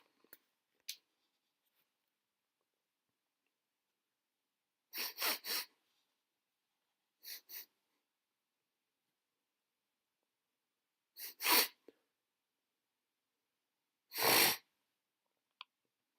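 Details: Repeated sneezing during sickness: several sharp, hissing sneeze bursts, some in pairs, with quiet gaps between.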